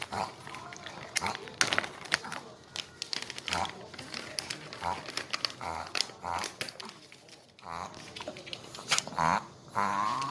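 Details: A dog's reverse sneezing episode: repeated snorting, honking pulls of air in quick runs, pig- or goose-like, which owner says starts when excited and stops when annoyed, with some background talk.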